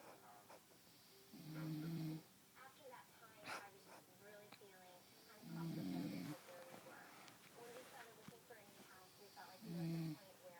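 Loud, low rattling snores on three breaths, about 15 a minute, with quiet talk between them; ordinary sleep snoring.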